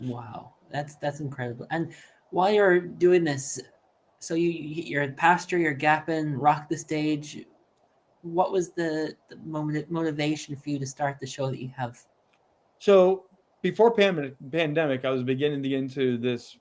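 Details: Adult men in conversation; typical speech.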